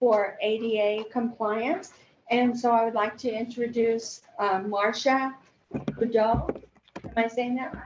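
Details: Adult woman speaking; normal speech.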